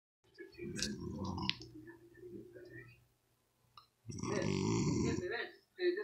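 Two low, throaty belches with a pause between them in a quiet room.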